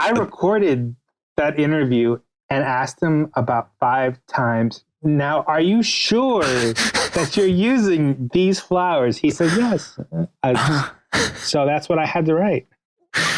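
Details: Adult man, a writer interviewed on a podcast, whose stutter is noted as audible throughout the interview; real, not acted. Finding: stuttering.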